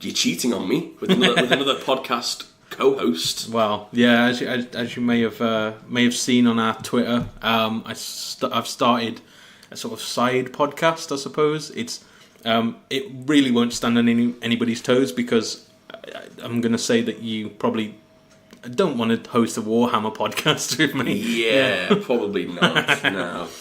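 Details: Adult male speaker; normal voice.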